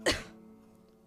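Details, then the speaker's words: Single short, forceful adult cough, a real cough from the narrator during a video game playthrough, not acted, with a steady low musical tone underneath. "oh yeah by the way I'm actually coughing if that sounds horrible on the microphone I don't care have to be as authentic as possible"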